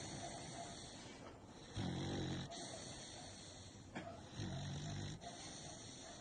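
Two loud, rumbling snoring breaths about 2.5 seconds apart, over steady background hiss.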